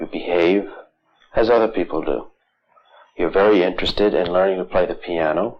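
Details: Adult male interviewer; ordinary adult speech.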